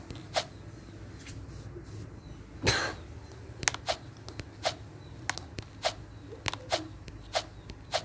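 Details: One loud harsh cough burst followed by a string of short sharp clicking sounds in a quiet room; a single loud cough.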